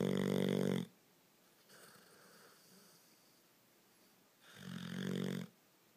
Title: Bear snoring